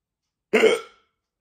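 One abrupt, short voiced gulp that fades quickly in a quiet room, fitting a single hiccup.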